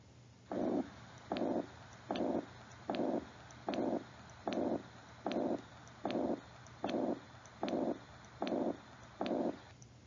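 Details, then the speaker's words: Heart murmur from a leaking valve, with blood flowing backwards: regular swishing whooshes replace crisp heart sounds at about 76 a minute; valvular regurgitation heard by stethoscope. "so you notice that swish okay that's the sound of a heart murmur and there's different ones that occur in different locations depending on which valve is affected"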